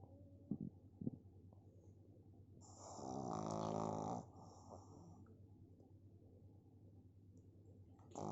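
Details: Pari, a sleeping pug: a single long, rattling, buzzy snore on one breath against a quiet background; snoring in a flat-faced dog.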